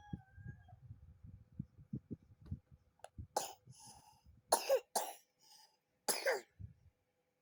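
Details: Rooster coughing while being fed, weak and limp: several short, harsh cough-like bursts over low pecking and feeding noises.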